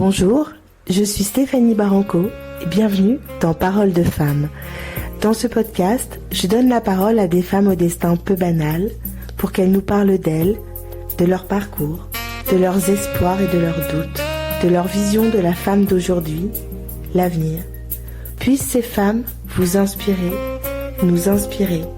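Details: Adult woman speaking French; typical speech.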